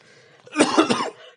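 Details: One short, forceful adult cough of two or three quick pushes in a quiet room; the man reports a cough problem with vocal cord swelling and a doctor's advice to limit speaking.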